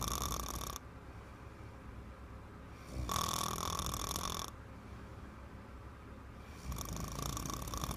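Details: Little girl snoring loudly: harsh snores about every three seconds, each over a second long, with quieter breaths between.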